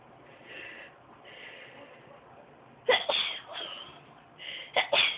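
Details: Young woman deliberately making herself sneeze by tickling inside her nose with a rolled-up piece of material: soft breathy intakes build, then a run of sharp sneezes with quick catches between; induced sneezing.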